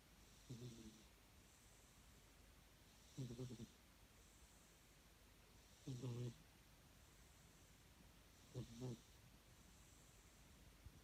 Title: 猫のいびき / Snoring cat